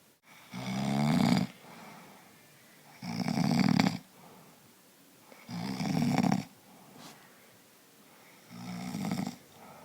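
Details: Husband asleep, exhausted after a race: loud rattling snores on each in-breath, about 15 breaths a minute, with quieter breathing between them; snoring.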